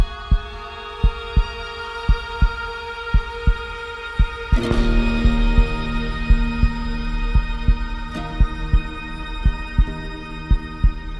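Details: Steady low thumps at about 57 a minute under dramatic music and a low hum; a slow, regular heartbeat sound effect in an epic music mix.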